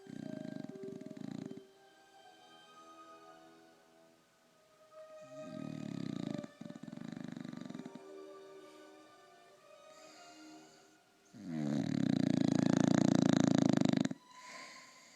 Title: Nigel the English Bulldog snores the house down